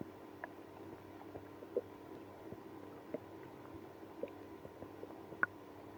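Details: Borborygmi in a person with IBS after drinking milk and prune juice: a low steady gurgling hum with scattered brief pops and squelches, about a dozen over six seconds, described as stomach growling and moaning.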